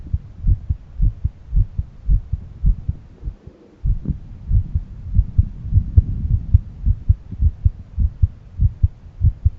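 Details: Person's own heart auscultated with a stethoscope at different valve areas: repeated low lub-dub heartbeats about 105 a minute, brief pause as the stethoscope shifts position; normal heart sounds.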